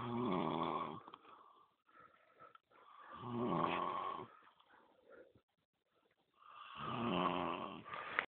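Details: Man sleeping by a campfire on a fishing trip, after 0.7 L: loud rattling snores on in-breaths, about three in eight seconds, with quieter breathing between.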